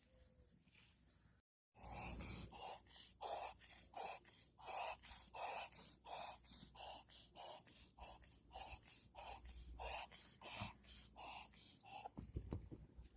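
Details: Chihuahua reverse sneezing, an occasional episode: a rapid run of harsh, honking snorting inhalations.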